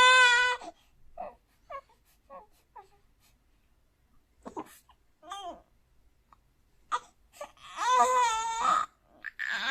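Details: 4-month-old baby boy twitching and making noises in his sleep: brief cries and soft whimpers with pauses, face looking about to cry, but he keeps sleeping without waking; infant crying and whimpering during sleep.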